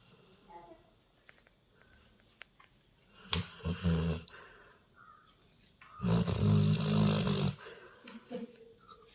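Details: Snoring Labrador: two loud, low, rattling breaths a few seconds apart, each with a fluttering buzz, over a quiet room.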